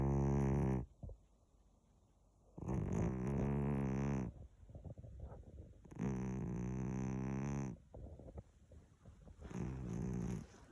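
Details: Sleeping cat: slow, regular rumbling snores, each lasting about two seconds, with quiet pauses between them; ordinary snoring.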